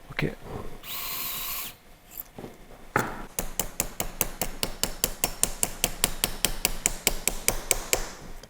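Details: Surgical drill boring a bone tunnel for a Knee FiberTak anchor during combined ACL and anterolateral ligament reconstruction for rotational knee instability: brief whine and hiss, then rapid rhythmic ticking.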